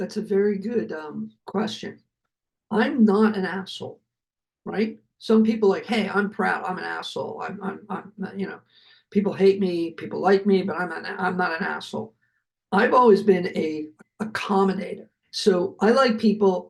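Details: Adult man, a heart attack and aphasia survivor who could not speak after his health crises; he notes aloud that his aphasia is kicking in here. Aphasia.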